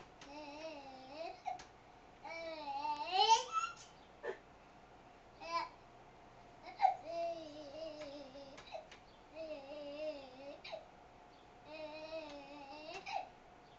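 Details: A young girl sings and babbles while having the hiccups, her voice broken by several short, sharp catches: hiccups.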